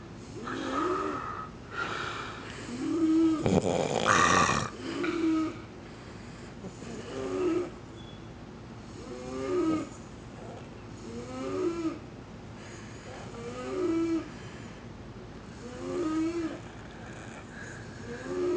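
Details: Night-time snoring: repeated snores with a tonal, whistling quality recurring about every two seconds, with a brief louder rustle early on.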